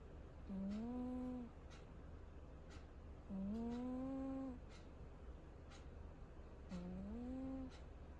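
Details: Cat snoring while asleep: three tonal, whistle-like snores rising slightly in pitch, about one every three seconds, with a clock ticking in the background.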